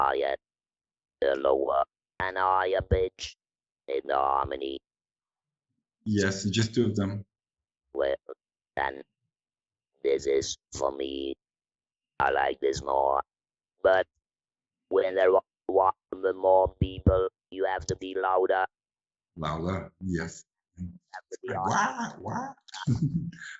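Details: Electrolarynx speech from a 66-year-old man, a musician, about eight months after total laryngectomy in February 2020, using a neck-held electrolarynx (Inspiration model) with a button controlling pitch and intonation.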